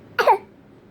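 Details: One-year-old child coughing on request: a single short, light voluntary cough with no rattle or wheeze after it.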